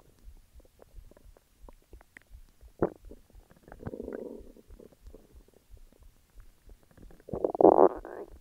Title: Stomach growls